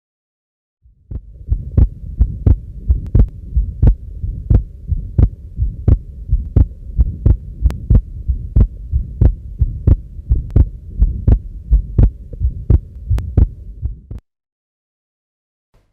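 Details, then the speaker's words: Combined aortic stenosis and regurgitation: a systolic murmur at the base of the heart plus an early diastolic murmur at the left sternal edge. "remember a combination of a systolic murmur at the base of the heart and early diastolic murmur at the left sternal edge is typically seen in combined aortic stenosis and regurgitation"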